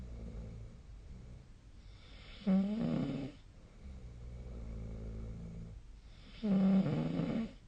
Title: 🐽 本日のイビキ / Snoring Sleep Sound 2025/02/18